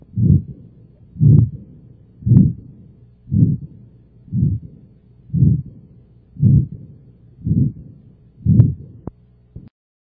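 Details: Heart murmur in congenital heart disease on cardiac auscultation: a regular heartbeat at about 58 a minute, each beat carrying a prolonged rushing sound.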